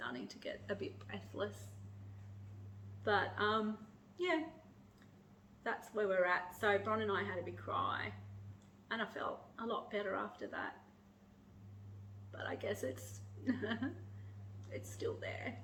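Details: Adult woman with motor neurone disease (ALS) and declining breathing, increasingly needing a breathing machine during the day, who runs out of breath when speaking; dysarthric, breath-limited speech in motor neurone disease.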